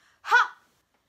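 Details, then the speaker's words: A person with Tourette syndrome shows a gasping vocal tic that sometimes startles family members: a single sudden, sharp voiced gasp lasting about a third of a second, then silence. "uh I do that one um and then I gasp which is very uh shocking and scares my family members sometimes go and then they think like I'm like startled by something"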